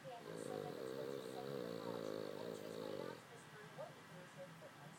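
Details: Dog snoring while asleep, and he can snore louder than this: one long, rattling, vibrating snore on the in-breath, then quiet breathing with faint room noise.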